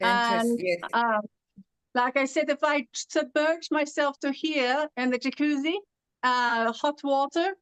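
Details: Adult woman originally from California, living with foreign accent syndrome since about 2016; foreign accent syndrome.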